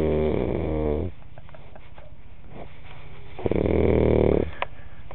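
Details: Two loud, rumbling snores separated by a quiet pause with soft breathing: ordinary snoring.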